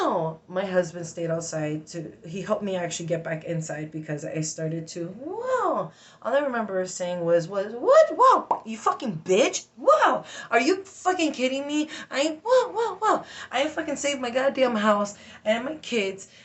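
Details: Adult woman with Tourette syndrome with interjected tics and repeated words; she says stress agitates her tics; vocal tics (Tourette syndrome).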